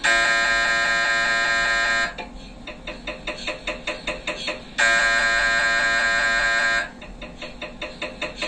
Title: MRI Sounds Inside Scan Room (Brain MRI Noise / Sound Effects MRI) .